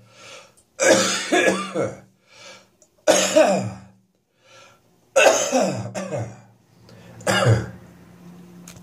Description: My cough is becoming slightly dryer now, but still putting on a good performance first thing in the morning.